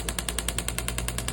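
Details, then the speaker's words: Shockwave therapy device demonstrated on an injured patient's Achilles tendon, working up into the calf (soleus, gastrocnemius) for pain and scar tissue: rapid, regular sharp taps, about ten a second. "So, and we'll work up into the calf muscle a little bit. We can go around what's called the soleus and the gastroc, and we're working right on his Achilles, getting good coverage."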